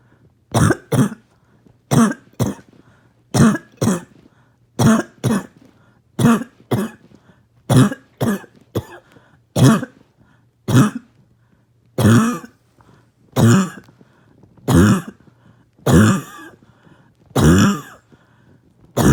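Repeated harsh, loud coughs in pairs and singles, about 25 in total, with a barking quality.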